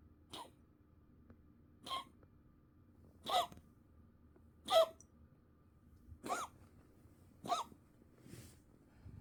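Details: Cat's repeated cough, on a vet-advised comfort-only basis: six short, sharp hacking bursts spaced one to two seconds apart in a quiet room.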